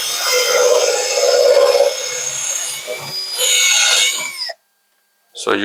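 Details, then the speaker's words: Grinding, whirring power-tool bursts, then a pause, as a surgical reamer slowly prepares the femoral canal to accommodate the implant in a revision hinged knee replacement; surgical reamer in femoral canal. "So you can see that slowly we are preparing this canal for accommodating our implant."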